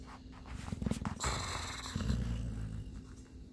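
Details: A sleeping dog named Chip gives two coarse, rumbling, fluttery, low-pitched breaths; heavy snoring.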